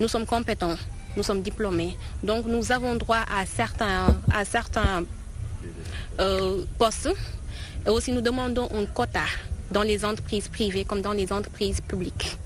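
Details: Person who stutters, speaking at a Senegalese stuttering association event for International Stuttering Awareness Day 2018 in Dakar; stuttering.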